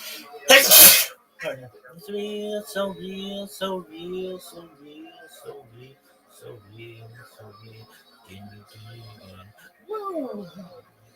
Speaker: Man, I just had a good sneeze.